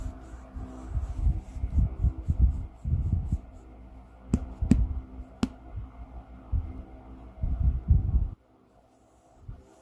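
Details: Irregular low gurgling and rumbling bursts from the abdomen after vomiting: loud bowel sounds (borborygmi).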